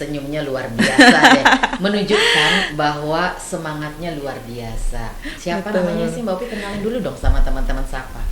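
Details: Adult female speaker; normal speech.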